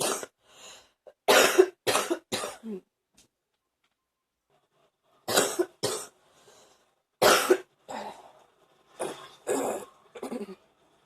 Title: # 36 still coughing up morning junk